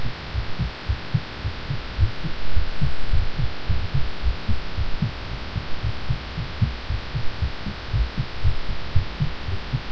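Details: Person who was sick and felt funky after taking cough medicine, late at night: fast muffled heartbeat about 115 a minute under a steady hum, rhythm somewhat uneven; felt irregular.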